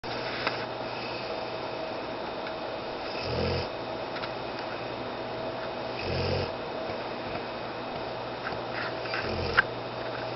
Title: Huck Snoring